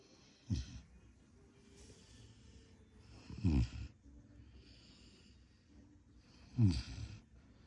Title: Snoring !